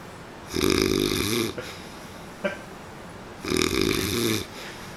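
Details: Two loud, rough, rattling snores about three seconds apart, with a faint noise between them; snoring.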